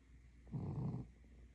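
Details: A sleeping dog gives a single low, rumbling snore lasting about half a second over quiet room noise, with snoring said to get louder; snoring.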